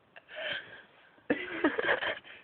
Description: Mate from work sneezed about 45 times in a row! Only caught a few here though!